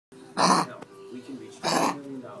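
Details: Dog on day 1 of kennel cough gives two harsh, forceful hacking coughs over faint room hum.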